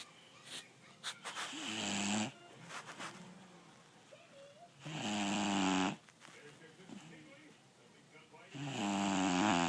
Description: 5 month old American Bully snoring